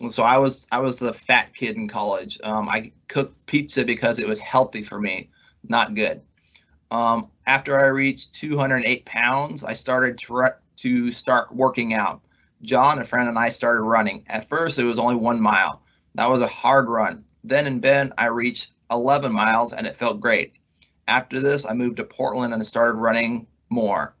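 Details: Adult man months into recovery from a left-hemisphere ischemic stroke caused by internal carotid dissection, with trouble finding and saying words: mild aphasia after stroke.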